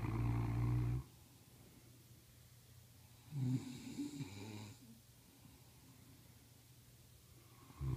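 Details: Snoring from two sleepers, one a pregnant mother: deep, low, snorting snores recurring every few seconds with quiet breathing between.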